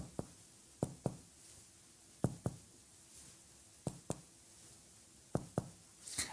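Four pairs of quick hollow taps on the front of the chest, each sounding alike, giving a normal resonant percussion note; a faint rustle at the end.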